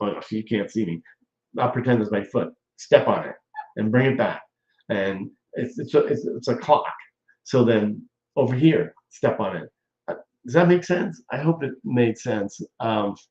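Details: Aphasia in a stroke survivor nearly 14 years after the stroke, with ongoing speech difficulties including talking too fast.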